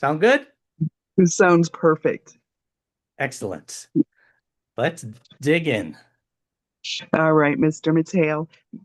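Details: Adult male speaker; Normal speech.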